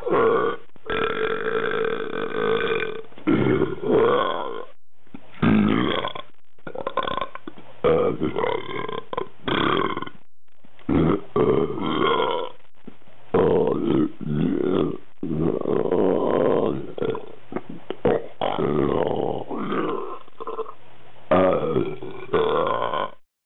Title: Pop Art Burps